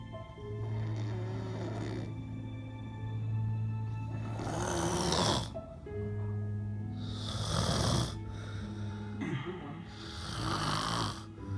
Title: snoring